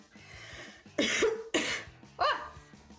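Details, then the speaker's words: Adult with a lingering cough left over from a cold gives three harsh coughs, with soft music in the background; it is said to be nothing sinister. "Yeah, it's got the same cough everyone else has. There's nothing sinister thankfully. It's just uh the leftovers of a cold, but very annoying though."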